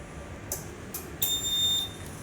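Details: Short bursts of high hiss followed by a steady high-pitched alarm tone: a high-pressure, high-priority alarm on a universal ventilator with adult, pediatric and neonatal modes.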